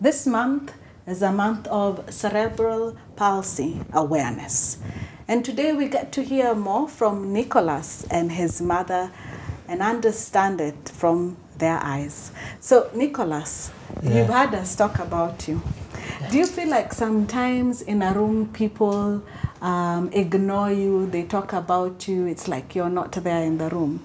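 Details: Adult woman speaking; typical speech.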